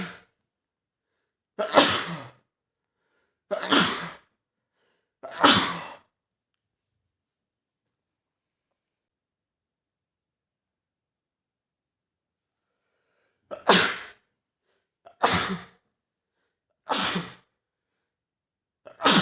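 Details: Adult man at home with a bad cold lasting over a week gives seven sharp, explosive sneezes in two bursts of three and four separated by a quiet pause; sneezing fit.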